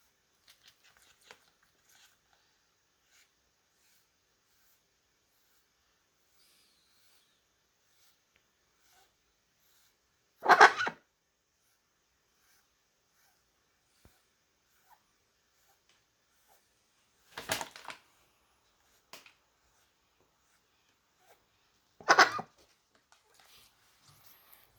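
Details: Pompom duck makes three short, raspy, hissing breath sounds spaced seconds apart; owner suspects a cold or infection, or upset after eye ointment treatment. Wheezing.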